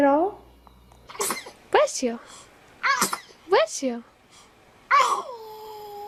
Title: Funny Babies Videos. Sneezing Babies